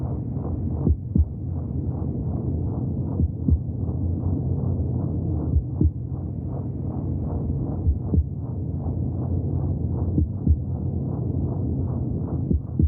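Steady whooshing, muffled pulses repeating about twice a second, around 120 a minute, with occasional soft clicks: heartbeat sounds heard through the womb.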